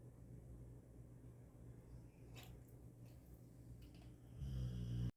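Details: Sleeping male dog snoring: low, rumbling, steady throaty snore, louder toward the end.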